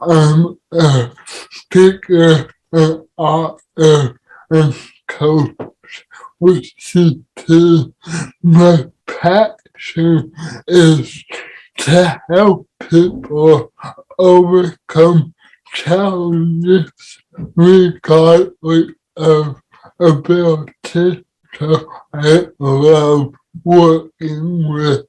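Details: Dysarthria in an adult with cerebral palsy, heard in real conversational speech.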